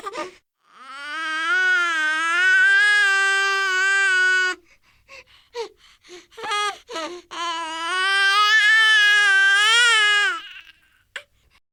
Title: Baby crying sound effect, newborn baby child crying, baby noises, cute baby crying, first cry sounds